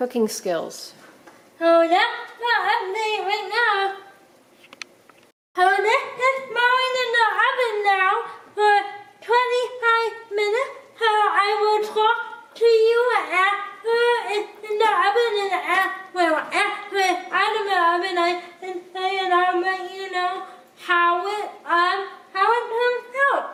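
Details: Person with cerebral palsy who cooks with limited help; dysarthria (cerebral palsy).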